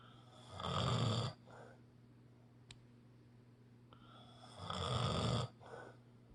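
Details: Snoring: two loud, low, rattling snores on breathing in, each followed by a softer breath out, in a quiet room.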